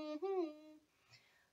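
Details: Adult with self-described Tourette-like tics, including coprolalia, that vary by day and setting; humming vocal tic that occurs sometimes.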